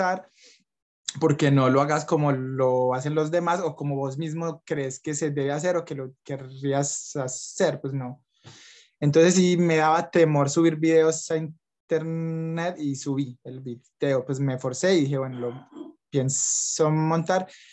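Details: Young adult man who stutters and reports blocks and repetitions, speaking Spanish; stuttering.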